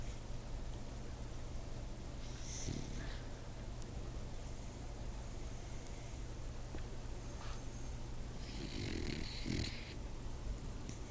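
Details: A sleeping dog gives two rough, snorting snores several seconds apart over a steady low rumble; described as the loudest snoring ever heard.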